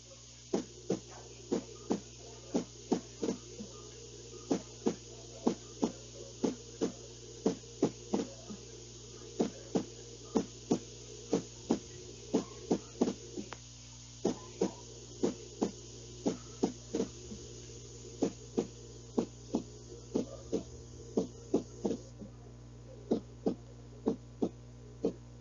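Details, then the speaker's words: Cardiac arrhythmia played as a teaching example: sharp heartbeats at uneven intervals, with clusters and pauses forming an irregular, non-rhythmic pattern. "Está en desorden, Miss. Ajá, es así se sienten las arritmias. No es algo, por eso se le llama así, ¿no? Porque no es algo rítmico,"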